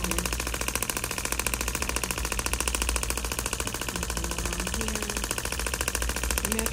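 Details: Steady rapid clicking pulses, about 105 per minute, over a low machine rumble, from a shockwave therapy device treating a patient's painful arm and scar area; the patient reports discomfort of three to four on a 0–4 scale.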